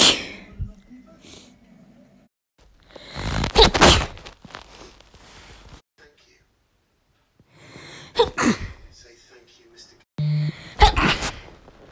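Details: Female natural sneezes recorded over a month: three sneezes, each with a short gasping intake before a sharp burst of air, separated by quiet pauses.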